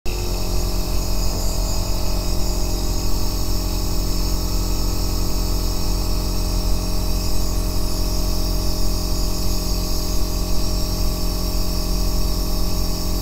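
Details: Aerosol nebulizer running continuously, recorded as ASMR white noise for sleep and relaxation: a steady, unbroken deep bass hum with a buzzing motor drone.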